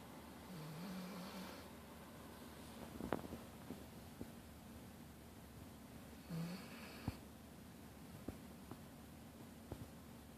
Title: English Cream Golden Retriever Puppy Snoring Next To My Desk Chair - 6 Months Old